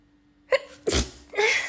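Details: Female: a quick catching breath, then a sharp forceful sneeze burst with a brief trailing breath; ordinary sneeze.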